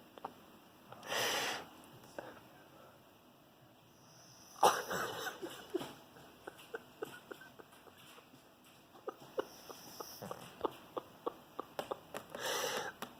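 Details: Pug snoring: three loud, rough snorting breaths a few seconds apart, with small clicks and rustles between them.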